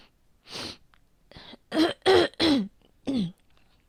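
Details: Woman who has asthma, feeling asthmatic today at the change of season: a throat clear followed by a run of four or five dry, tight coughs, possibly an asthma flare.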